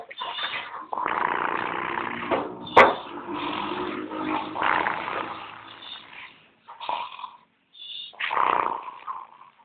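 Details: Cat snoring while asleep: soft rasping breaths with a fluttering, snorting edge on each breath, with pauses between.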